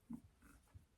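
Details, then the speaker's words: Sleeping dog snoring behind the speaker in a room: soft, low snorting breath sounds, ordinary harmless snoring. "And can you hear Margo snoring? She's behind me."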